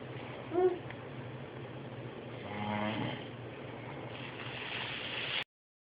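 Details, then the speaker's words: Adult man (daddy) snoring while napping: a low, fluttering rumble on one indrawn breath, then a softer breathy exhale, over steady room hum. "Daddy snoring you hear Daddy snoring Daddy"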